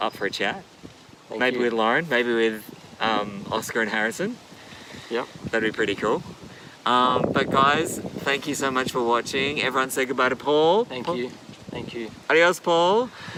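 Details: Adult male speaker; normal fluent speech.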